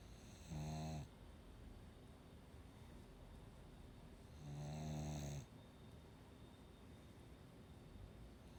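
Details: Ruby, 17 October 2018: two low, even droning snores about four seconds apart over steady background hum; snoring.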